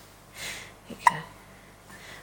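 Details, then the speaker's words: A single sharp, abrupt hiccup with a soft breath before it in a quiet room, from a two-week-old just after a bath, during a hiccup episode; hiccups. "someone has hiccups OH hiccups needs t.o.o pickups ah just after the bath Hey oh it's gonna last for 10 minutes poor bubba hiccup hiccup"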